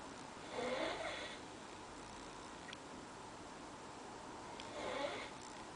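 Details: Light snoring by a sleeping person in bed: two soft, whistling snoring breaths about four seconds apart over steady room noise.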